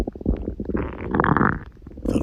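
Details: Stomach growling recorded on a real girl: low gurgling and bubbling rumbles from the belly rising to a longer growl; ordinary bowel sounds.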